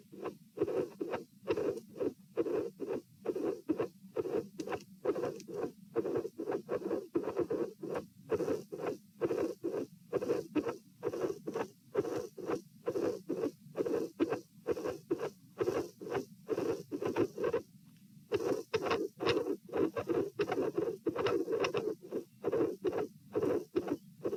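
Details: Heart sounds at the pulmonary area, patient sitting, dilated aortic root: irregular rhythm with premature atrial and ventricular contractions.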